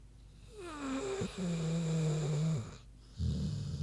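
Low, droning, grunting breath sounds with a rising squeaky tone, then a rough rumble: a sleeping pig snoring, normal for the animal.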